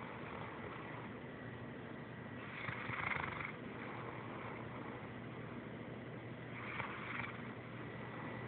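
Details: Sleeping Saint Bernard puppy snoring: two soft, rough snoring breaths about four seconds apart over a steady background hum.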